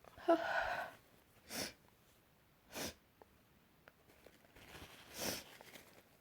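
A gasping build-up followed by several short, sharp bursts of breath in a quiet room, fitting repeated sneezes or sneeze attempts.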